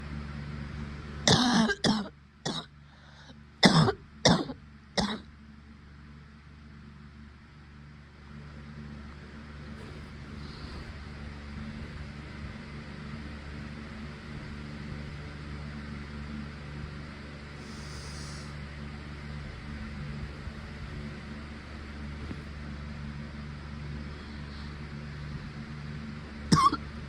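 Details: Adult woman with her first COVID-19 infection, also with tight chest and sneezing: a quick run of about six short, dry coughs, then quiet and one final cough.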